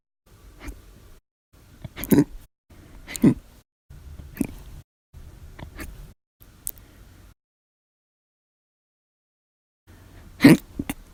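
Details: Audio-only recording of hiccups after lunch: abrupt sharp throat sounds about once a second, varying from violent and loud to faint and silent.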